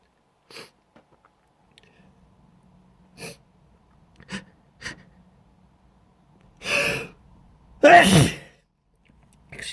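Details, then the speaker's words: Adult on a staged video conference call: several short breathy bursts, then two loud explosive acted sneezes in a quiet room. "I'm just gonna have to take a pause here it's a sneeze so try not to keep watching me keep yourselves busy for a moment"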